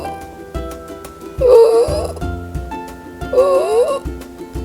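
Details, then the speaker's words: Stridor in a child with cough, shown as a danger sign: two harsh, high-pitched crowing breaths in over background music, from upper-airway blockage possibly caused by swelling. "Stridor is a loud sound heard when the child breathes in…. like"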